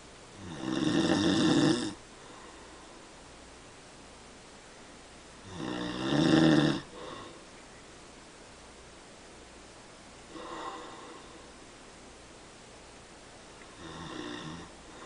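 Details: Father's snoring during sleep, keeping family member up all night: loud rough snores on each inhalation, about 12 breaths a minute, fading to softer snores between long quiet pauses.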